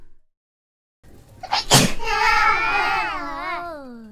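A quick indrawn breath, then one sharp burst that trails into a drawn-out, wavering voiced cry: a single sneeze.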